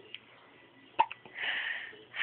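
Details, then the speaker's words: Hiccups in a 10-week-old baby girl with a little rash on her chest: short, sharp gulping catches about a quarter-second apart, followed by a soft fussy sound. "ed you got the hiccups huh hi I love you I"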